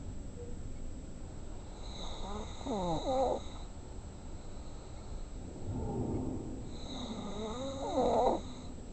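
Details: Man snoring in his sleep: two slow, rattling snoring breaths with a faint whistle over steady background hum; ordinary snoring.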